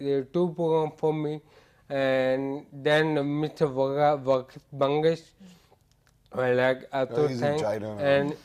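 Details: Adult man with ataxia that gradually impaired his speech, balance, posture and gait over years; ataxic speech described as scanning; ataxic dysarthria.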